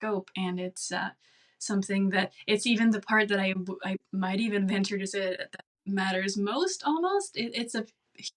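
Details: Adult man who stutters, self-diagnosed, with severe stuttering at about age 21 when he began speech therapy; stuttering.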